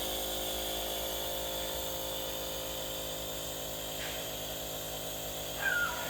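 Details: Fred, a dog in Campinas, Brazil, wearing a breathing mask for nebulization because of a cough; steady motor hum and hiss of a compressor nebulizer running, with a brief faint squeak near the end.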